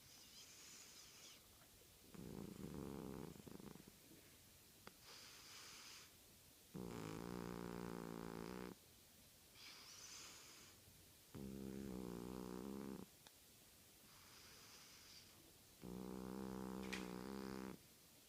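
Soft rhythmic snores from a cat, a buzzing snore on each breath with hissy exhales between, about thirteen breaths a minute; snoring.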